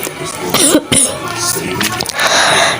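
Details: Cough from a person who is sick, with voice returning and trouble breathing.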